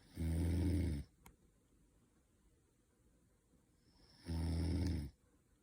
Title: snoring noise